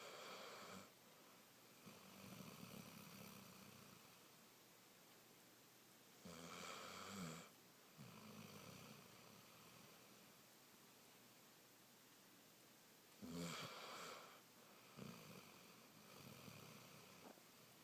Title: snoring